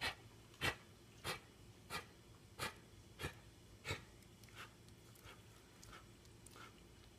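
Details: Maggie coughing while not feeling well: cough.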